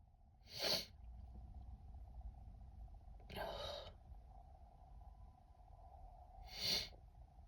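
Three short, breathy, hissing bursts spaced a few seconds apart over a steady room hum; sneezes that fail to fully come out.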